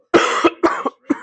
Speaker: The cough I have right now, Chad, is just so dry.